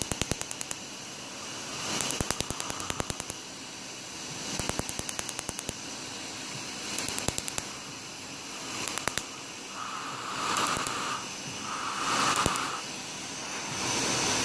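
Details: 8th laser tattoo removal session on a peace-sign tattoo with a dark outline: rapid volleys of sharp snapping pulses over a hissing fan-like background with brief tones as the laser fires.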